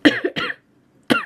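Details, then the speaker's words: Adult woman recovering from her worst-ever illness, voice still raspy after losing it completely: three short, harsh coughs, the first two close together and the third after a pause. "hey guys so long time no see I have probably been the sickest I have ever been in my whole life"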